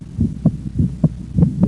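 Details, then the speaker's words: Physiologic splitting of the second heart sound, heard as a split during inspiration, in a teaching series of systolic heart sounds. "and just split second heart sound in"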